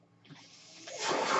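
A soft hiss builds into a loud rushing of air, the inflow of a mechanical ventilator breath.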